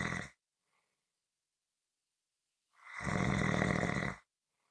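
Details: Typical snoring recording: deep, rough snoring breaths with a few seconds of silence between them.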